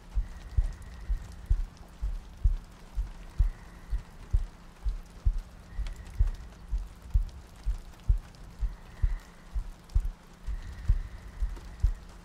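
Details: ASMR sleep-aid roleplay of cuddling next to a girlfriend on a rainy night, a looped track with soft breathing: regular soft low thumps at about 64 a minute under light rain and a faint hum; a steady heartbeat.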